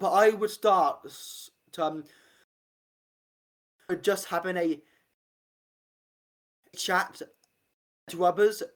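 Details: Adult man with a real stammer since about age five; stuttering.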